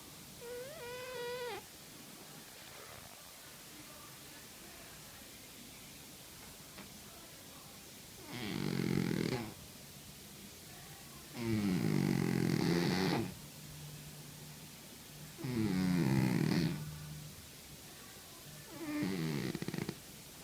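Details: Cat in deep sleep snoring: deep, rumbling snores about every 3.5 seconds, roughly 17 per minute, over faint room noise.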